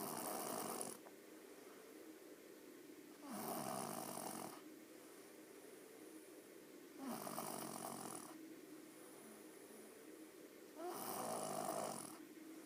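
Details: Four soft, regular snores about every four seconds, each a raspy breath with a faint whistle, quiet breathing between; snoring.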